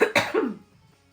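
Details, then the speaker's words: Adult on a live stream with a lingering chesty cough she can't shake, worse a couple of days earlier and improving: two quick cough bursts with a voiced, rattly tail, a chesty cough. "like do you hear that it's like so chesty it was so much worse though a couple of days ago like it's so much better today"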